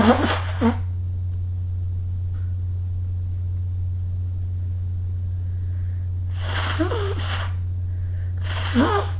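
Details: Three loud, sharp-onset bursts over a steady low hum, sneezes and nose-blowing after running outdoors in cold early-morning air.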